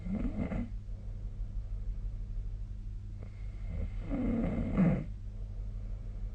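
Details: Sleep snoring recorded with the SnoreLab snoring app on 2025/02/06: two low, rumbling breathing noises a few seconds apart over steady room hum.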